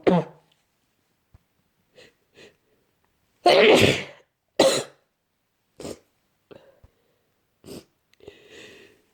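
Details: Exhausted person with a worsening cold and a cough that got worse: two loud sneezes, then several short, dry coughs and throat-clearing, with quiet breaths between.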